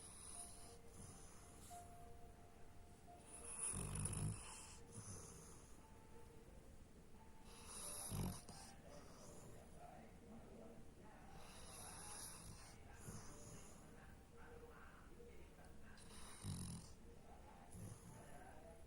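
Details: Sleeping dog snoring: low, rough breaths about 15 a minute with occasional louder snorts.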